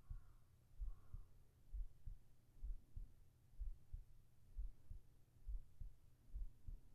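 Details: ASMR heartbeat recording for sleep, with whispered voice: steady soft paired thumps at about 65 beats a minute with a faint low hum, regular; normal heartbeat.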